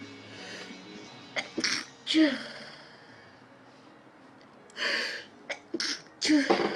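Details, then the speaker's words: Bout of repeated sneezing from a Japanese girl, who says she can't stop sneezing and wonders aloud if it's pollen: several sharp explosive sneezes in a row, some led by quick in-breaths, over quiet room noise. "ああ、くしゃみが止まらん。"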